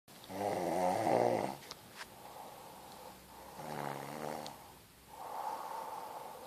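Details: Adult woman, who says she doesn't snore, asleep in a quiet room: loud, rattling snores on each breath in, with quieter breaths between, ordinary snoring.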